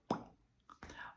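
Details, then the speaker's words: Man with Tourette's syndrome imitates another person's vocal tic: a sharp plosive burst, a brief click, then a short breathy vocal sound; imitated vocal tic. "And it's just so crazy because I know other people with Tourette's syndrome and their twitches are all different. Like I know a girl she goes."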